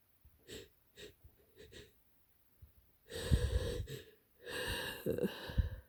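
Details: Congested noisy breathing in an adult kindergarten worker with their worst cold so far: several short snorting breaths, then two longer harsh noisy breaths or sneeze-like bursts, fitting nasal congestion.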